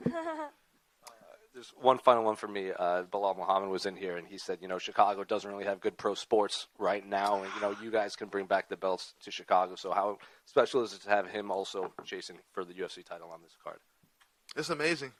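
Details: Adult male speaker; no speech disorder.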